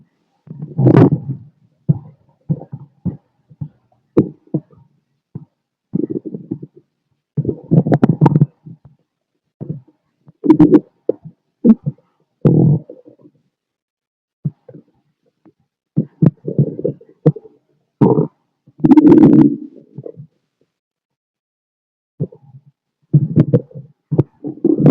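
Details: Adult male abdomen heard through a stethoscope: intermittent low gurgles and rumbles, ordinary bowel sounds (stomach growling).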